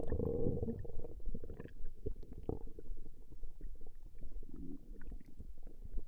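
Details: Woman's stomach growling recorded over a 20-minute session: continuous low gurgling and rumbling from the abdomen, ordinary borborygmi.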